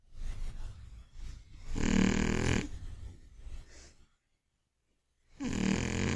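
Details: Loud, rattling snores with low rumbling breaths and a brief pause from Mac, an old, chubby sleeping Scottish Fold cat, after a day of eating and sleeping.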